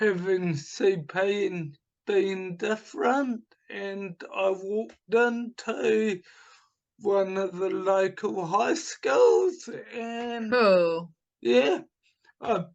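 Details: Adult man with dysarthria from cerebral palsy caused by oxygen starvation at birth, also affecting his right hand; speech formerly very slow, now improved to about two to three times faster but not back to normal.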